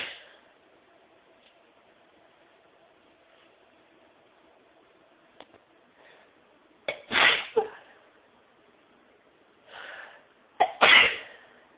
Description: I felt a sneezing fit coming on at work today so I snuck off somewhere quiet and let the sneezes explode from my nose.